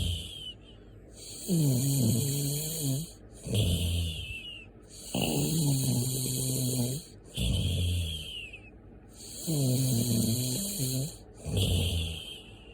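Loud, regular snoring in paired sounds, a vibrating breath in then a rougher breath out, about every three and a half seconds, with a steady high hiss behind.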